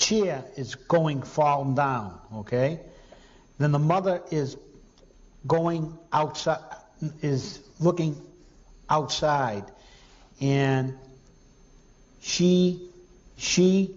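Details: Anomic aphasia from a temporal or temporoparietal lesion; fluent speech with good repetition but inability to name.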